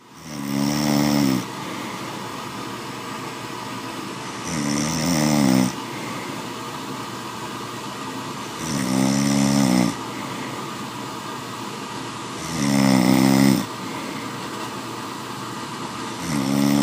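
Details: Loud, rattling snores on each breath in, about 14 breaths a minute, with quieter breathing out between; heavy snoring during sleep.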